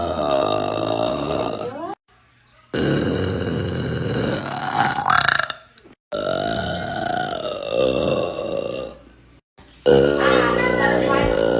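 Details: Adult woman (mom) burping hard, from a compilation: several long, loud, deliberate belches in a row, separated by brief silences; ordinary eructation.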